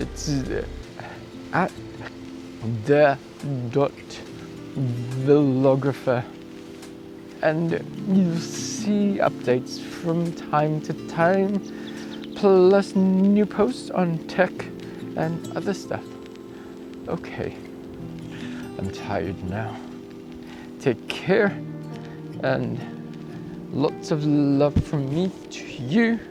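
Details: Adult male cyclist about 2 weeks after a bike crash with head impact and loss of consciousness, with acquired apraxia of speech and thinking reported intact; apraxia of speech.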